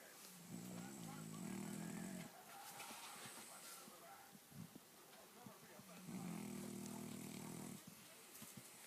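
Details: Sleeping French bulldog: two long, low, droning snores separated by quieter breathing, with outdoor background noise; snoring.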